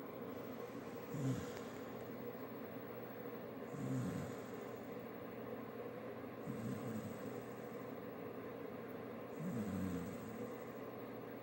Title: Buddy snoring.